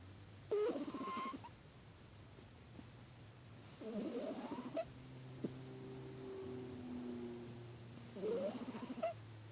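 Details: Snoring in a subject who has a cold: squeaky, whistling snores rising in pitch, recurring roughly every four seconds, over a low background hum.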